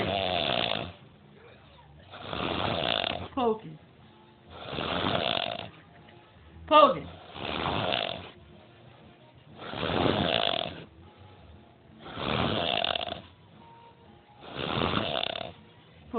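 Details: Heavy snoring from a tired sleeper: loud, rough snores recurring about every two and a half seconds, roughly 25 a minute, in a quiet room.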